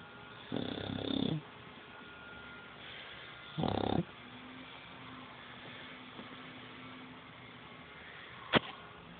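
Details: Loud snoring: two loud rough snores about three seconds apart against steady background hiss, with a sharp click near the end.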